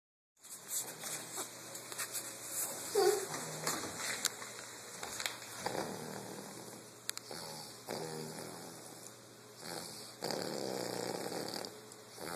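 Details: New puppy snoring in sleep: soft, rough, fluttering snore sounds on each breath.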